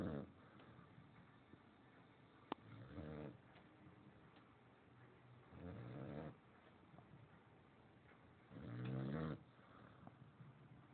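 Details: Male sleeper snoring, louder in person than recorded: low, rattling snores on each breath, about 20 a minute, over quiet room noise.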